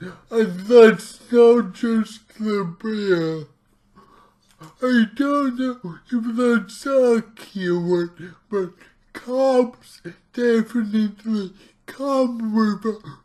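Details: Dysarthria from his own cerebral palsy; heavily distorted speech.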